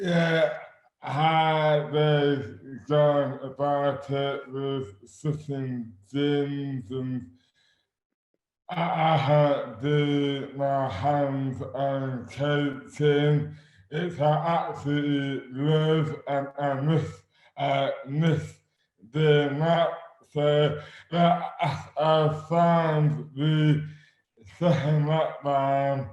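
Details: Man with dystonia, a rare neurological disorder; severely slurred speech began overnight in May 2008, aged 24; jaw (TMJ) involved, constantly clenched muscles treated with botox injections; hands also affected; speech dramatically impaired; dysarthria (oromandibular dystonia)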